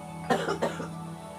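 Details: Two short, loose cough bursts from an adult woman during a treatment session, over faint background music.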